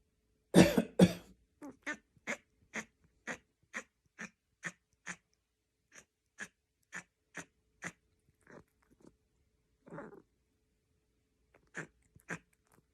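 A cat gives two forceful coughs, then a long run of short, rapid, repeated hacking coughs.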